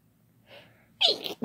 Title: Having Fun Sneezing Together